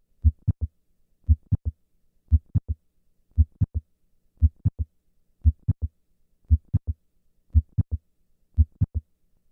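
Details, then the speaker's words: Mitral valve prolapse, about 58 beats a minute: S1 followed by a distinct mid-systolic click, no murmur. The S1-click interval is 140 ms standing and lengthens to 200 ms on squatting. "I will start in the standing position where the interval between S1 and the click is 140 milliseconds and then move to a squatting position where this interval is 200 milliseconds"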